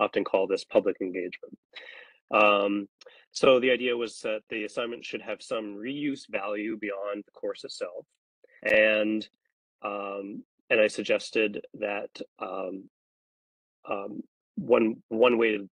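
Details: Adult man speaking; ordinary speech.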